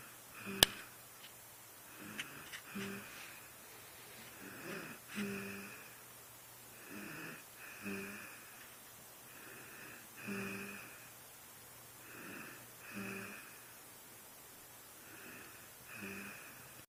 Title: She need to rest and she is deep sleepy then 😴😴😴💤💤💤(SHE IS SNORING)